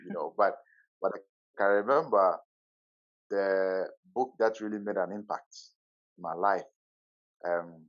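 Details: Adult man from the Netherlands who stutters, at times severely, and still finds his stutter hard to accept; long pauses between words suggesting blocks; stuttering.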